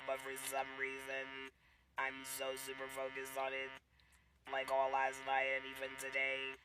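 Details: Mother who had a laryngectomy after a cancer diagnosis, speaking method not stated: alaryngeal speech after laryngectomy.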